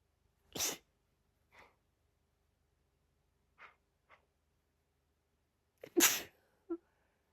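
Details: A female with rapid repetitive sneezing as a pre-migraine symptom, about 17 sneezes in 45 seconds with little build-up and some half-sneezes; this clip has two sharp sneezes with soft breaths and small catches between them.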